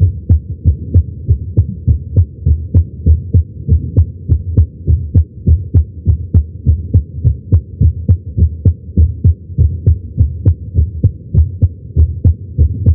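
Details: Heartbeat recorded with a Stemoscope electronic stethoscope at the tricuspid area while lying prone during chest pain: steady, regular, fairly quick thumping over a constant low hum.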